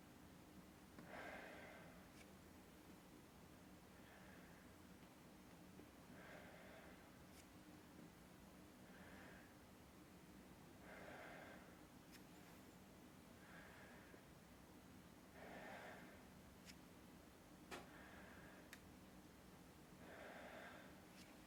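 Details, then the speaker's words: Adult man breathing deeply in and out through the mouth during stethoscope auscultation, starting over the back in a demonstration pulmonary exam: slow, regular deep breaths, about 14 a minute, no added sounds; normal deep breathing. "so osculation of the breath sounds uh so you want to hear the whole breath inspiration a pause and expiration uh in all the lung Fields we'll start from the back and we'll examine the front later so I want you to take a deep breath in and out through your mouth each time when you feel the stethoscope okay good"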